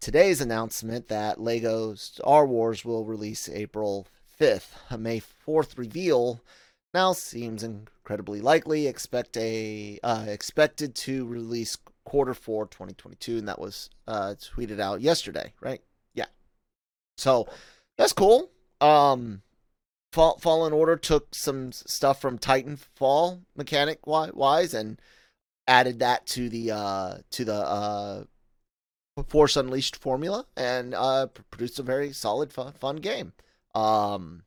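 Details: Adult male podcast host with self-acknowledged stuttering, in spontaneous speech with word and part-word repetitions and fillers; stuttering.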